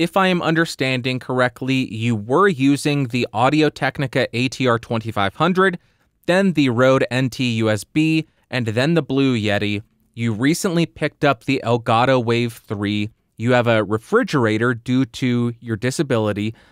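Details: Adult male host; typical speech.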